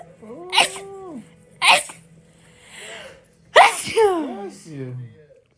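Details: Compilation of one person's rapid sneezes, after they describe nose pain and an urge to sneeze: sharp, high sneezes with voiced squeaky tails and brief breaths between, repeated sneezing.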